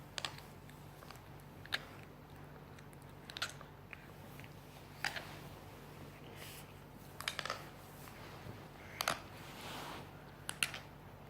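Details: 8-year-old Chinese boy: short, sharp grating clicks and scrapes of teeth grinding, recurring irregularly over a steady low hum, bruxism.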